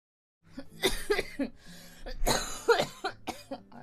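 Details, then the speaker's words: Woman with a stuffy nose and itchy throat, which she attributes to inhaling powder dust while sorting stock: a run of several harsh, moist coughs with throat clearing in close succession, a persistent productive-sounding cough. "나 지금 방송 켜기 전까지 기침 이렇게 심하게 안 했는데 말을 하려니까 갑자기 목이 신났나 봐"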